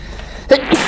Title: sneezing🤣🤣🤣armyy check this!!!!